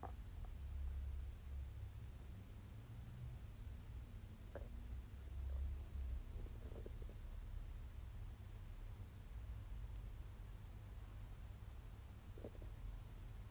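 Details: Stomach noise while digesting a wagyu steak: low rumbling and occasional gurgles from the abdomen; ordinary bowel sounds during digestion after a meal.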